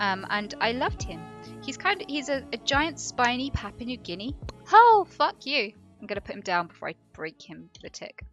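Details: Woman with Tourette syndrome whose vocal tics interrupt her speech; Tourette syndrome vocal tics.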